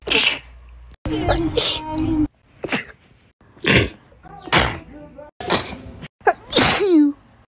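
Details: A rapid series of about seven sharp, explosive sneezes with brief in-breaths between them; repeated sneezing.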